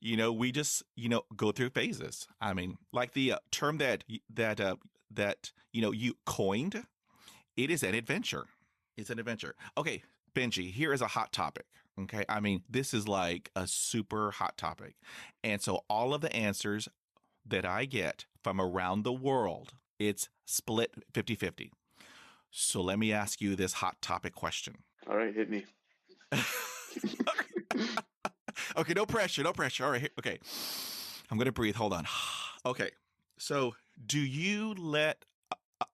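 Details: High school senior male who has stuttered severely since age 10, after six years of speech therapy; the finding is stuttering.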